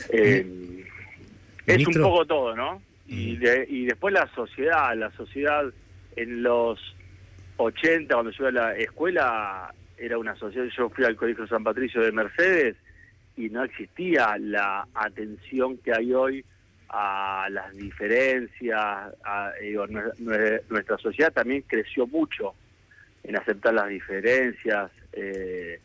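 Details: Adult man with stuttering since childhood, which he says has a genetic load and may have been triggered by trauma, still getting stuck at times, speaking in a live Spanish radio interview with word repetitions; stuttering.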